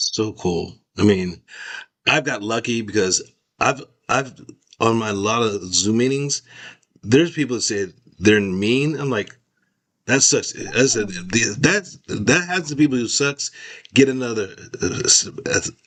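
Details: Adult male stroke survivor with post-stroke aphasia affecting expressive language, recovering after speech therapy, talking with his former speech-language pathologist; real. Finding: expressive aphasia.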